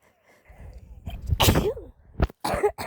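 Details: Sneezing from a person who has the flu: a rising breath in, then a forceful sneeze with a short voiced tail, followed by two more quick sneeze-like bursts.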